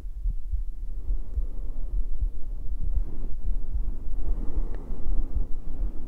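Soft, muffled low thumps repeat under a steady deep rumble, a heartbeat heard close up in a relaxation recording.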